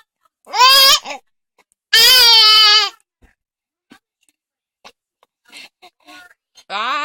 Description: 9 weeks old and expressing how she feels about hiccups.